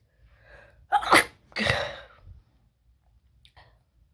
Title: Wide Nose Sneezes Africa.